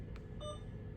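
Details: Single short beep from an Alaris infusion pump confirming a keypress while entering a patient ID during primary IV fluid setup in a nursing-school tutorial, over low room hum.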